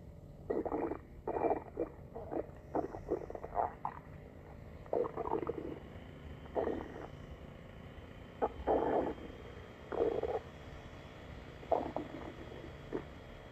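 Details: Borborygmi: irregular gurgling, bubbling rumbles of stomach growling in short bursts over a quiet background from gas and fluid moving through the gut.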